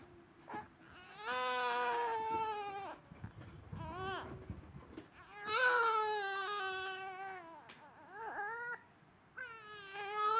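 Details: 1-month-old baby crying in short, high, wavering wails broken by breaths and whimpers; ordinary infant crying.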